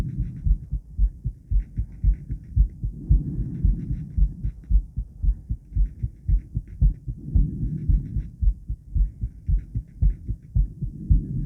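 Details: Adult female heart before exercise: regular lub-dub at about 113 beats a minute, steady rhythm, faint hum behind; quick but normal heart sounds.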